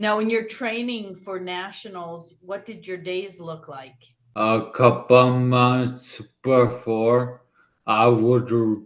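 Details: Two adults in conversation; normal speech.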